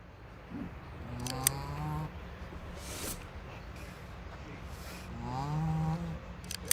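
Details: Sleeping dog: two drawn-out, low, rumbling, voiced breaths over a noisy room background; snoring.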